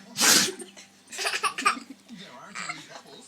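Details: Dalmatian puppy sneezing after sniffing up paint from a painted stone: one sharp, hissing sneeze, then snuffling, with people laughing in the background.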